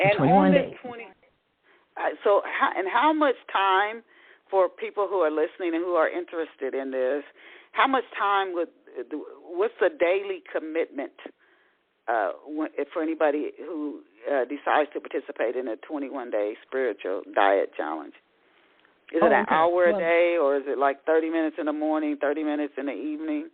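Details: Adult speaker; normal speech.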